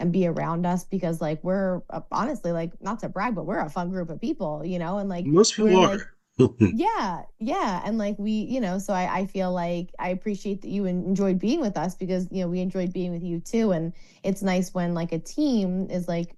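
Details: Adult woman speaking; normal speech.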